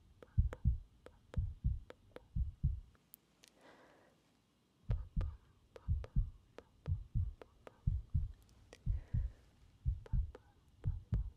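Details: Real heartbeat heard through a stethoscope in a medical ASMR recording: regular paired low thumps at about 60 beats a minute with brief stethoscope rustle; normal heartbeat.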